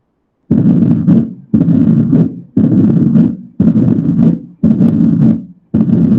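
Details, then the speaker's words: Low, rumbling diastolic murmur of mitral stenosis heard at the mitral area (apex), starting after S2 with presystolic reinforcement rising at the end, about 58 beats a minute. "Ahora vamos a escuchar cómo suena este soplo diastólico. Estamos en el foco mitral, entonces ya sé que estamos ante un soplo de estenosis."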